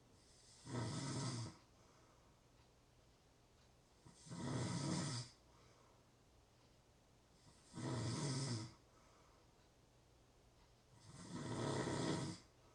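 Four loud, low, rattling snores, about 17 a minute, with quiet gaps between; ordinary snoring.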